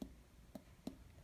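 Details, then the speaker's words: Abdominal percussion during a systematic abdominal exam demonstration: two short, sharp finger taps in a quiet room, giving tympany and dullness percussion notes. "okay so we now go into percussion so when we practice we need to be very systematic"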